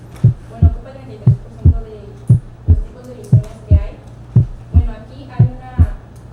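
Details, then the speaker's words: Regular heartbeat about 58/min with a prominent, sharp, intense first sound, explained as widely separated atrioventricular valves closing violently at ventricular contraction; loud first heart sound, faint background tones. "Si las válvulas están ampliamente separadas, al contraerse el ventrículo se cierran con violencia, produciendo un ruido intenso y agudo."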